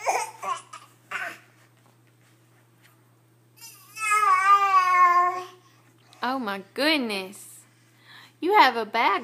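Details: An infant boy makes short, breathy put-on cough sounds mixed with voiced babbling and squeals, a playful fake cough.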